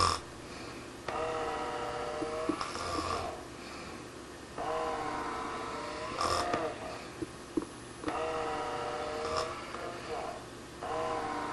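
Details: Slow, regular rasping breaths repeating roughly every three to four seconds, with quiet pauses between; snoring during sleep.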